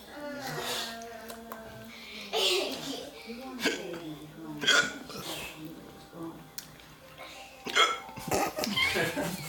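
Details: Hiccups after eating an extremely hot chip (One Chip challenge): several abrupt hiccup catches interrupting talk and laughter, with music in the background.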